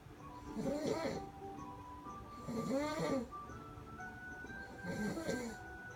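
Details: Snoring recorded 11/01/15 in Paterson, CA: three rough, rattling snores about two seconds apart, with steady music playing in the background.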